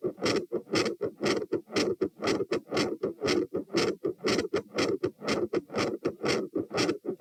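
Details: Recorded at position T while standing, 108–120 bpm: fast, loud heartbeat with a gradually changing S2 murmur and an intermittent machinery murmur.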